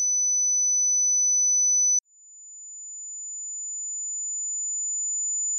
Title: Tinnitus Frequency matching Test: from 200Hz to 14000Hz | Pure Sine wave